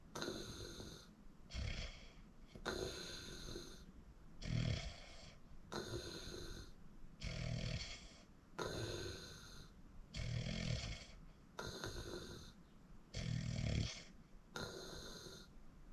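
Regular rattling snores with each breath, about 20 a minute, over faint room noise; snoring during sleep.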